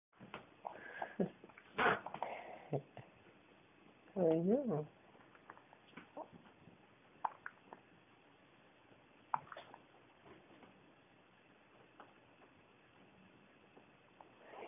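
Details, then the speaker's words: Infant girl with hiccups, which she gets often: soft, abrupt hiccup catches at irregular intervals in a quiet room, with a brief whimpery sound. "You got the hiccups. What do you do with those hiccups, huh?"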